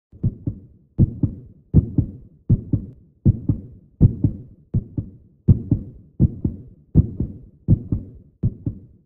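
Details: Sound effect labelled as a baby's heartbeat: steady paired heart thumps at about 80 beats a minute.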